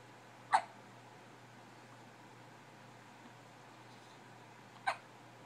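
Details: A baby gives two sharp, abrupt hiccups about four seconds apart against quiet room hum; hiccups.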